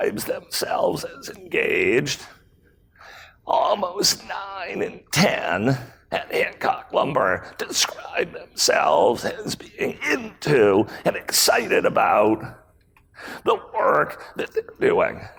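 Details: Adult man with spasmodic dysphonia, a rare voice disorder acquired in 2010, in which his throat muscles spasm and contract when he talks; spasmodic dysphonia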